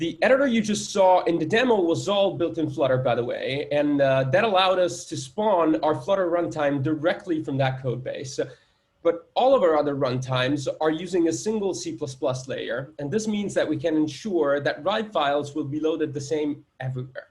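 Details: Adult male speaker; normal speech.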